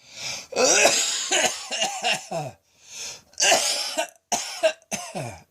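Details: Midday coughing fit likened to a heavy smoker's: about seven forceful, harsh coughs in two rapid bursts with a brief pause between them. A sustained coughing fit.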